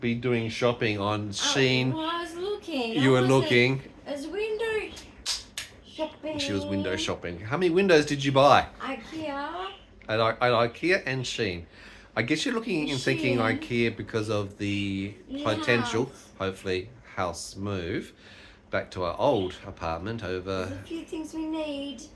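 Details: Adults talking in a small room; ordinary conversational speech.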